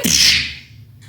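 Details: Comedic voice-dubbed skit, sneezer versus coughing character: a single sharp, hissing, imitated sneeze burst that fades quickly.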